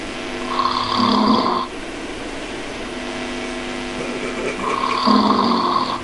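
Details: Two rumbling, buzzing snores about four seconds apart over a steady background hum; regular snoring during sleep.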